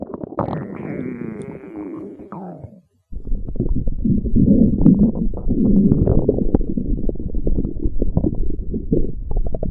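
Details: Loud, prolonged low rumbling and gurgling, with a brief pitched squeal early on; stomach growling, ordinary bowel sounds.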